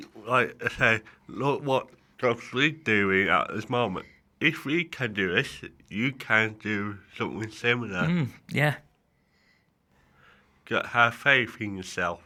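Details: Dysarthria in a male adult with cerebral palsy affecting the right side of his body; he says it affects how he speaks.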